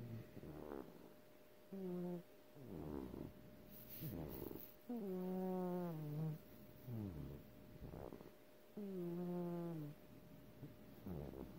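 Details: Snoring in a sleeping cat: repeated rhythmic breaths, each with a drawn-out rasping, purring quality.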